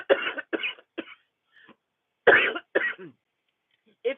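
About five short, harsh cough bursts in two clusters, with a few softer throat sounds between them: a repeated cough.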